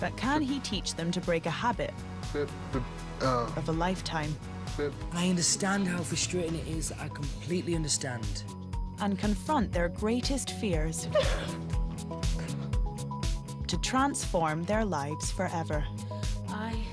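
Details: Adult narrator with background music; typical speech.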